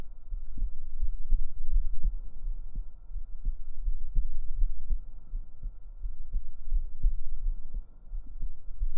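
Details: Real heartbeat recorded up close on a woman's chest with binaural microphones for ASMR: soft, deep, regular thumps under a steady low hum.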